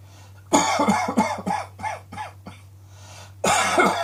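Rapid run of about six voiced coughs, a brief pause, then another coughing burst: repeated harsh coughing.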